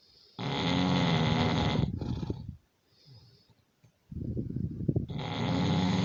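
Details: Loud, harsh rattling snores on the in-breath, each followed by a softer rumbling out-breath and a brief pause: snoring.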